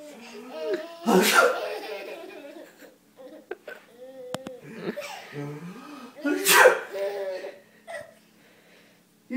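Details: Sneezing: two loud, explosive sneezes from the child's father, with a young child laughing and talking in between; background music.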